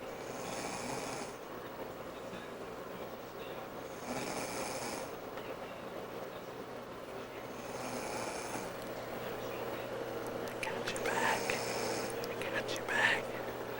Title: 6/21/02 Mom Snoring